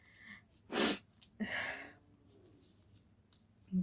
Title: Most requested sneezing challenge//without hanky 🤧